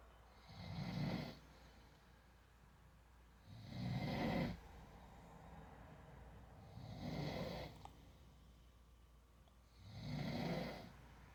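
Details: Adult man (dad) snoring in sleep: four loud, low, rattling snores about three seconds apart, roughly 19 a minute, with quiet gaps between.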